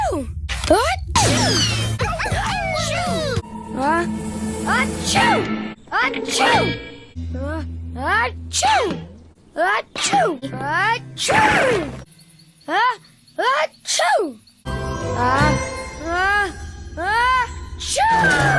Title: Paw Patrol: Chase Sneezing Compilation (Season 2)